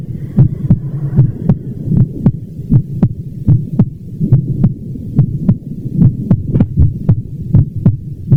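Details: Steady low lub-dub heartbeats at about 77 a minute over a soft hum; ordinary heart sounds.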